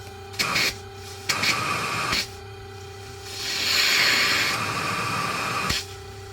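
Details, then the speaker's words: ResMed CPAP machine, about 4–5 years old, running a mask fit test after being reassembled: a steady high-pitched whine with hissing airflow that gets louder mid-clip; the whine persists, and a failing motor is suspected. "let's run a mask fit yeah it's blowing a little bit of a wine sad face"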